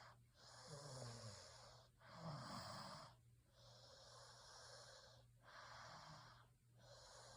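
Quiet, hissing breaths with soft low snoring on some, roughly 39 a minute; mild snoring during sleep.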